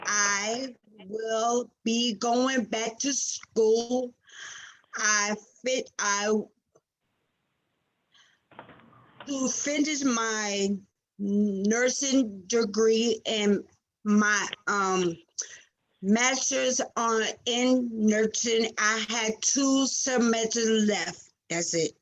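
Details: Real aphasia in a 47-year-old woman after a stroke on February 19, 2019, with sudden loss of speech at onset; recorded June 2021; finding: aphasia after stroke.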